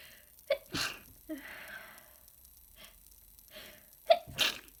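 Two wet, forceful sneezes, each preceded by a quick indrawn breath, with sniffling between.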